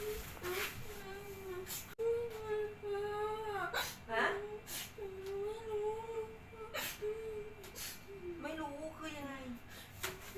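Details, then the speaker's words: Young daughter woke in the night crying in long, drawn-out wails and whimpers while half-awake, unable to say what was wrong; mother calls it crying while sleep-talking (night terror/confusional arousal). "ดูแล้วก็คงจะเป็นสไตล์ที่นอนละเมอร้องให้นะ"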